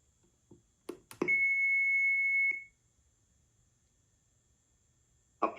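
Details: AED switched on during a training demonstration of its use, before the pads are applied: a few clicks, then a sustained high-pitched alert tone lasting about a second and a half as it powers on.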